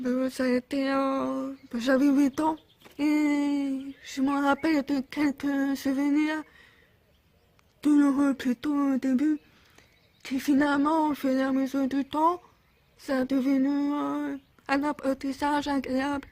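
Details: Speech of a 28-year-old woman with congenital profound bilateral deafness, diagnosed around age 1. She first used hearing aids, got her first cochlear implant at 8, was re-implanted twice, and had speech therapy about 4 hours weekly until 16.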